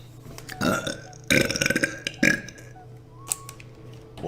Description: Hot twitch girls burping :P